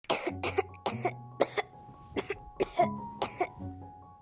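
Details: A child's acted cough in a nebulizer advertisement: about eight short, harsh bursts in quick succession over background music.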